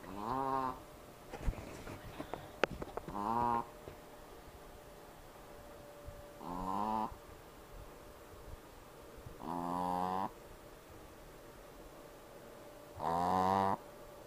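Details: Snoring while in a cast: loud, tonal, buzzing snores recurring about 17 times a minute at uneven intervals, with quiet pauses between.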